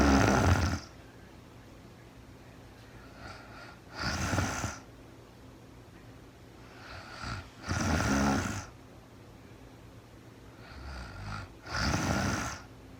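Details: Real-time recording of a woman asleep at night, no talking, very tired: snores about every four seconds, a softer breath before each, about 15 breaths a minute; steady snoring during sleep.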